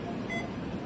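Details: A single short, high electronic beep from a hospital ventilator being demonstrated to medical students, over steady room noise; ventilator beep.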